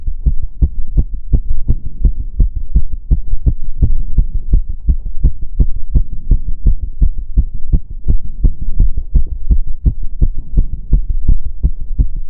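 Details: Own heart sounds recorded during step-up exercise: rapid, regular, dull thumping heartbeats with a steady hum underneath; fast heart rate from exertion.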